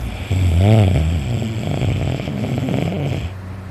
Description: Hi everyone this is me so very tired sleeping and snoring my head off! I needed some sleep bad! I was extremely tired my throat is sore from how much I was snoring.